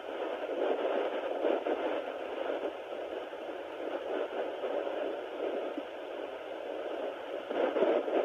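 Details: Sonoline B home fetal Doppler at 9 weeks of pregnancy; uncertain whether the baby's heartbeat is picked up: Doppler static without a clear heartbeat.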